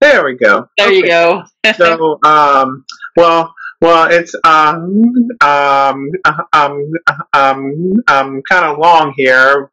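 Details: Adult webinar host who stutters, speaking with part-word and word repetitions and fillers: stuttering.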